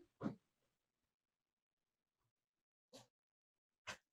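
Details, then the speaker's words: Cat snoring while asleep in a quiet room: three short, rough, snorting breath noises spaced unevenly over four seconds. "I don't know if you can hear that. That's my cat snoring."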